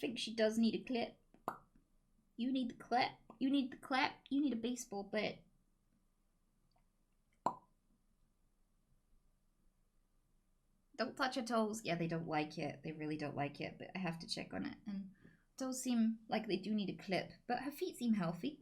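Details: Woman with Tourette syndrome: involuntary vocal tics including sudden swearing and word substitutions interrupting her speech.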